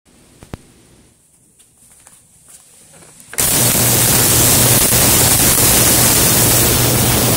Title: Fischer diathermy machine